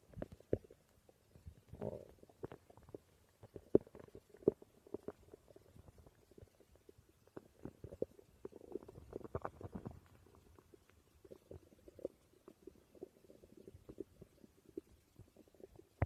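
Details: Person's stomach growling (borborygmi): quiet, continuous gurgling and rumbling with irregular bubbly pops.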